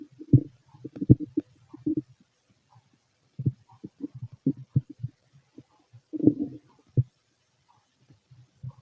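Irregular low gurgles, rumbles and clicks in scattered bursts with quiet gaps: ordinary bowel sounds of an empty, growling stomach.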